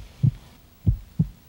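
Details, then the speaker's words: Heartbeat heard through a stethoscope by a puppet during a children's TV doctor visit for ear pain: three soft low thumps. "Okay. hears thump, thump, thump, thump. That's my heartbeat."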